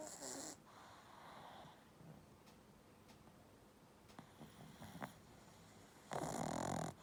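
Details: Sleeping pug with moving eyes: soft snorting snores with a louder rasping snort near the end; snoring.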